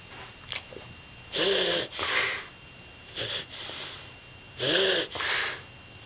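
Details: A cough.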